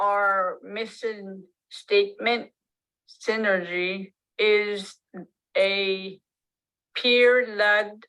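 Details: Adult woman with aphasia after a stroke almost 3 years earlier, with word-finding difficulty: she knows what she wants to say but it does not come out.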